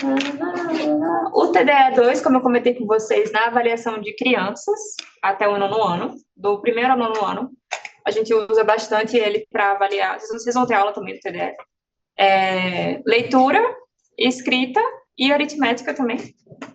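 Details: Adult female speaker, lecturing in Portuguese; normal fluent speech.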